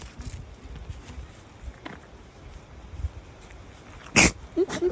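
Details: After quiet outdoor background noise, an alpaca being hand-fed for the first time lets out one sudden, forceful, explosive sneeze.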